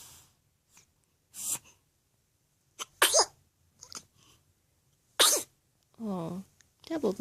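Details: Small animal with hiccups: short, sharp bursts of breath recurring at uneven intervals, with small sniffs and a brief whine.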